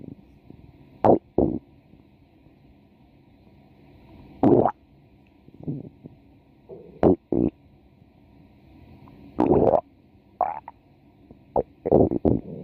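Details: A woman's stomach growling: irregular gurgles, squelches and rumbles separated by quiet gaps; ordinary bowel sounds.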